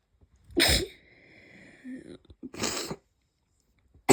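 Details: Two sharp, forceful sneezes with a brief breath between, in someone with chest pain left over after a cold; sneeze.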